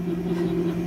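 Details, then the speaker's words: Hill-Rom Vest 105 airway clearance vest, from a vlog about living with cystic fibrosis, starting up at an unusually low, slow setting; a steady low mechanical hum with a faint pulsing quality. "here it goes uh so it starts off slowly and it works its way up to whatever speed you've had you have it set"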